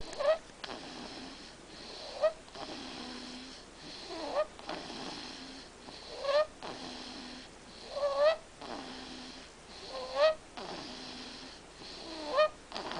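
Regular snores about every two seconds, each ending in a rising whistly squeak on the breath, roughly 30 a minute; snoring.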